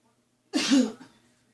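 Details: Cough as unwanted background noise: a single short cough with a sharp, noisy onset and a brief voiced tail, in an otherwise quiet room.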